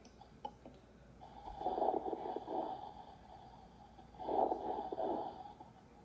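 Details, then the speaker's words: Lecture example of fine crackles through a stethoscope: two breath sounds carrying brief, fine popping clicks. "Here's some fine crackles."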